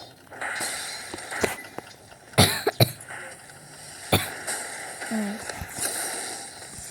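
A few harsh coughs over game sounds and background noise; a plain adult cough.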